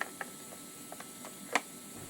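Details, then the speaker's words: Fresenius Kabi VP7s infusion pump during IV set loading in training demonstration: quiet ratcheting clicks, then one firm click as the pump door closes and latches. "फिर य जो IV line है इसको हम लोग यहां पर यहां से ऐसे लगाना है कुछ इस प्रकार से हम लोग लगा देंगे फिर ऐसा बंद"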